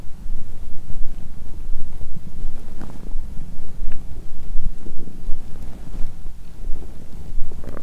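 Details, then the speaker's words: Low irregular gurgling and rumbling from the belly, lying on side in bed, after a Christmas dinner with wine following a 22-hour fast; drunk and nauseated, stomach growling constantly: active bowel sounds. "दूसरे half में मेरा पेट लगातार गुर्राता रहता है।"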